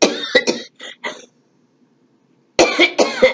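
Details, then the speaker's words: Cough from an adult woman with allergies year-round and asthma that began in her mid-40s, with sniffling; she says she is not contagious. "I also have asthma. I don't know why I got asthma. I didn't have it when I was young. I got it in my mid-40s, just before my husband passed away. And so that's why you hear the sniffling or the coughing."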